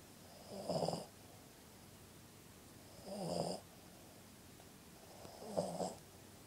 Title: Kujo The Puggle Snoring.